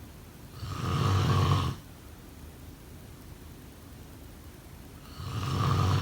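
Two low, vibrating snores on breathing in, about four seconds apart, with quiet breathing between them.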